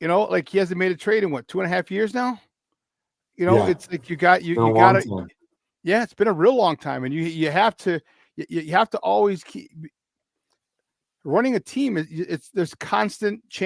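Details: Adult speaker; normal voice.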